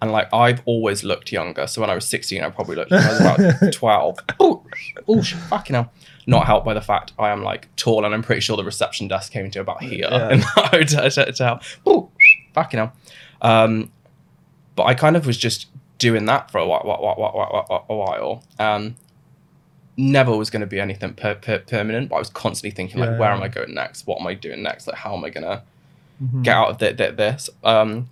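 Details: Adult male with Tourette syndrome, diagnosed suddenly in his mid-twenties; burst of involuntary swearing tics mid-sentence; vocal tics with coprolalia (Tourette syndrome).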